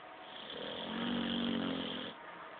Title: Boy snoring